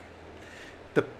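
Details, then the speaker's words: A single short, sharp involuntary throat sound after near silence with faint room noise; the speaker apologizes for having the hiccups; hiccup. "Excuse me, I got the hiccups."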